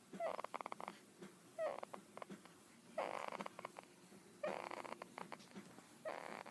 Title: Baby snores are the cutest!